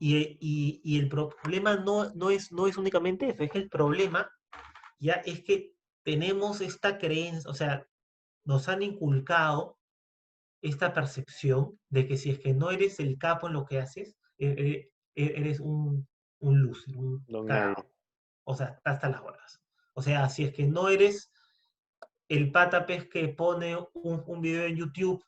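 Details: Stuttering in a Spanish-speaking man introduced as a person who stutters, speaking as a podcast guest.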